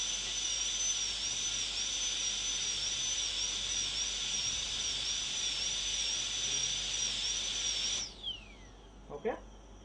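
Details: Steady high-pitched whine of a high-speed dental handpiece running about eight seconds, then spinning down, during tooth preparation for a PFM crown.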